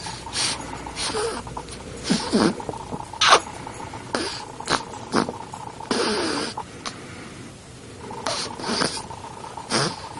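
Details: Irregular short snorting and snuffling noises, roughly one a second, over a steady faint hum, during sleep at 10 days old; snorting.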